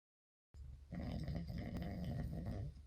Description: Snoring man sound